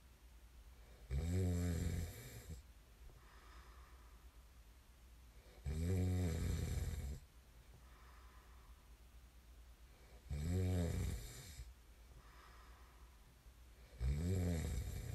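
Four deep, vibrating snores on breathing in, about 16 breaths a minute, each followed by a soft breath out.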